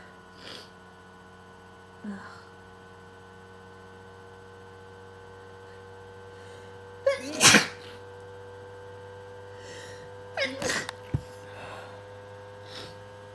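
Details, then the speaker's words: Sneezing during the tail end of a long allergy attack of unknown trigger: a loud explosive sneeze, then a second smaller sneeze with soft breaths around them. "Oh, God. I don't know what is making me sneeze, but my allergies are insane."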